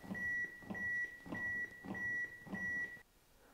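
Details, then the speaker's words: AED metronome beeping steadily about twice a second over rhythmic chest-compression thumping during CPR after a delivered shock, in an AED training demonstration; device times 2 minutes before reassessing rhythm. "then the defibrillator will time for 2 minutes at which point it will ask you to stop doing CPR and it will reassess the Rhythm"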